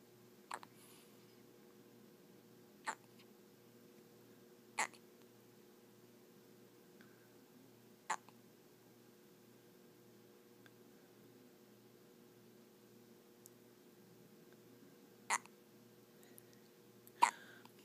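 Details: 5-day-old baby boy with hiccups: six sharp, brief hiccup clicks at irregular intervals against quiet room hum; typical newborn hiccups.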